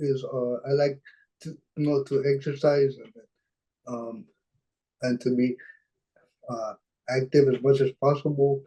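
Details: Dysarthria in a 26-year-old man with cerebral palsy from birth, born at about a pound and a half; his mother says the condition limits his expression.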